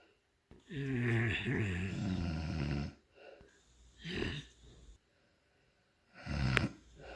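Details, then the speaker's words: Wife (adult woman) snoring in her sleep at night: a long rumbling inspiratory snore, then two shorter snores a few seconds apart in a quiet room; ordinary sleep snoring. "Look at her. Still snoring away."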